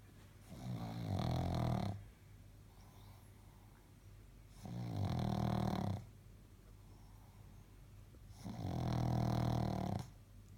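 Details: 6-month-old pug, Nellie, deeply asleep and snoring: three loud, low, rumbling snores on the in-breath, about six breaths a minute, with quiet pauses between.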